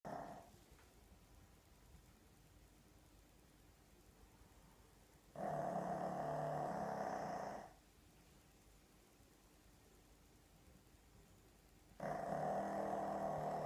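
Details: Pug dog snoring loudly while asleep: long, rough, throaty snores, steady and slow, with quiet stretches between them against a faint room hum.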